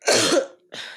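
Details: Adult podcast host who is sick: one harsh, explosive cough, then a short pause and a softer breathy exhalation.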